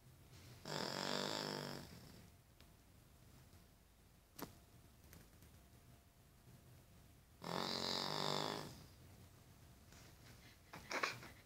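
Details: Charlie, an 8-year-old Cavalier King Charles Spaniel prone to snoring, in deep sleep: two loud, rough, rattling snores about six seconds apart over quiet room noise; snoring.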